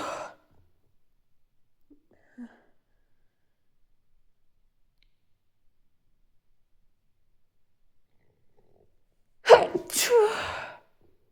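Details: Sharp, explosive sneeze after a quiet stretch, with a brief burst of sound at the very start, during tickling-induced sneezing.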